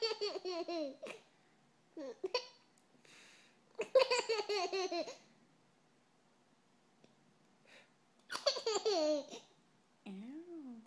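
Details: Hiccups during laughter in a young boy about 12 months old: bursts of laughter broken by short, abrupt catches in the breath.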